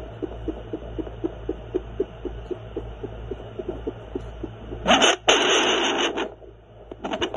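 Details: Great Dane puppy heartbeat: rapid, regular soft thumps about 240 a minute over a steady electrical hum.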